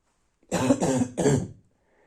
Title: Night barking cough